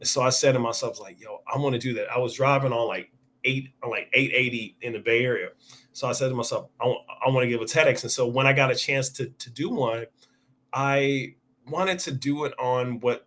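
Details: Adult man who has stuttered since age five or six, noticeable over extended conversation; word and phrase repetitions heard; stuttering.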